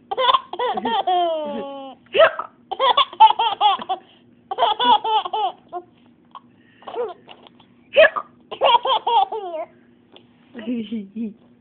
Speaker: you got the hiccups Mommy does too